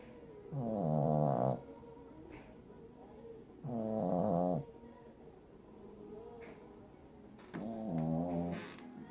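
Three drawn-out, buzzy, nasal snores about 19 a minute, with quieter breathing between them; ordinary snoring.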